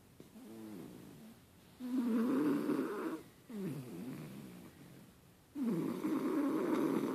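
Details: Snoring during sleep: soft, rattling snores on each breath with quiet pauses between, about three cycles heard.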